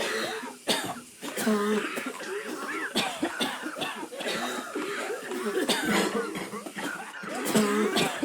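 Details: Simulated adult coughing: continuous rapid bouts with little pause, acted for over a minute, not a real cough.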